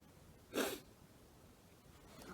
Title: Victon sneeze